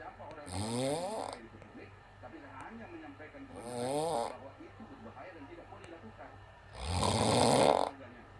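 Three rattling inhaled snores about three seconds apart, roughly twenty breaths a minute, with quiet breathing between; ordinary snoring.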